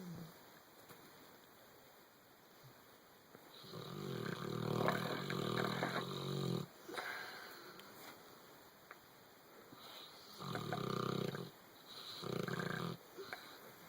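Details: Adult snoring while sleeping and dreaming: rhythmic, rumbling snores on the in-breath, about four over fourteen seconds, with steady background hum.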